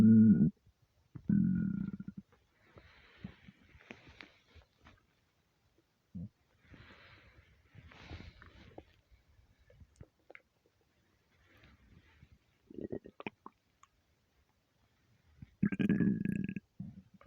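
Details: Loud gurgling, groaning belly rumbles in several bursts with quiet gaps, attributed to being half hungry and half gassy from eating too much; borborygmi.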